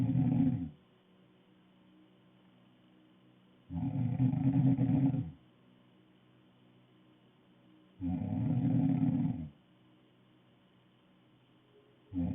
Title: Snoring girl